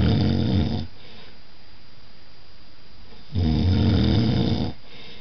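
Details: Adult partner snoring while asleep: two loud, low rattling snores on inhalation, separated by quiet exhalation.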